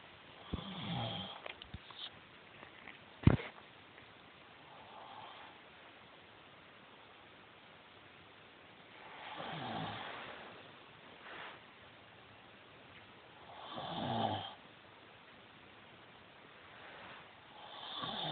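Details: Person snoring during sleep while wearing anti-snore nasal strips: slow, rasping breaths recurring about every four seconds, with quiet pauses between.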